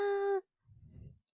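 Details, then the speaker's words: Adult man with inspiratory stridor while talking: a harsh, steady musical tone on breathing in, then a low rough breath, indicating supraglottic obstruction. "and this gentleman here has inspiratory stridor he's talking"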